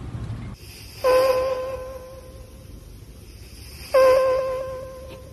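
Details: Scottish Fold cat snoring close to the microphone, steady snoring sounds.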